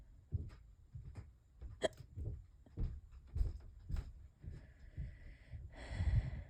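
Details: Person with hiccups lasting for hours and getting worse: repeated short, abrupt gulping sounds about every half second to second in a quiet room; persistent hiccups.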